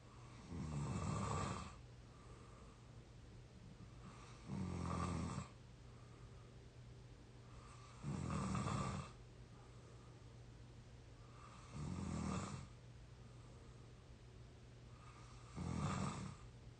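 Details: 22-year-old, exhausted and deeply asleep: loud, low rattling snores on each in-breath, about 17 a minute, with quiet exhales between; steady snoring.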